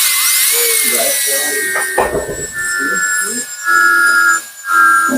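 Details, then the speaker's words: Dental drill with a 330 bur cutting an amalgam Class II mesio-occlusal preparation on a maxillary second premolar (tooth 4), bench demonstration; high steady whine dipping and rising, music and voice. "When you are drilling, it is better to drill pumping motion, little by little, up and down, not just pressing it all the way down."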